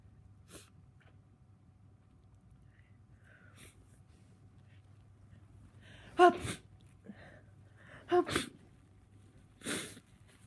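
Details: Three sneezes in a quiet room from a person with a tickly cold, each after a short catching breath; sneezing with a cold.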